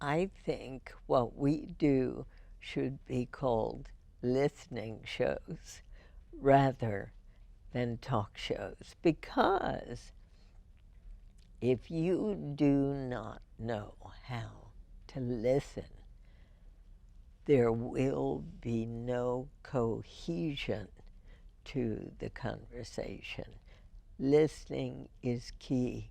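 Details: Real speech from a woman with spasmodic dysphonia, first diagnosed in 1998 and treated every four months with botulinum toxin injections into the vocal cords; finding: spasmodic dysphonia.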